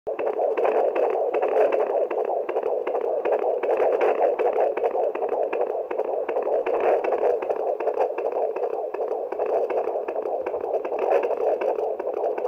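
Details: Fetal heart rate check with a fetal Doppler, which can be done at home: rapid, steady whooshing pulses of the fetal heartbeat, roughly 155–160 beats a minute.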